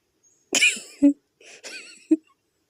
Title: smoking can get cough 😂smoking can kill you 😂